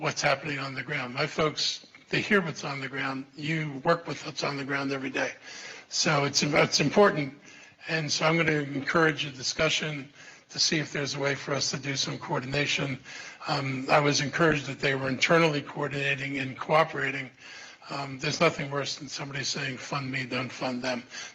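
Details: Adult male speaker; Normal speech.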